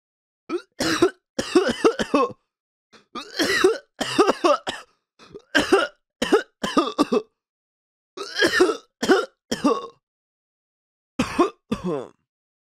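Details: Simulated smoker's cough sound effect: repeated harsh, rattly coughing and throat clearing in short bursts.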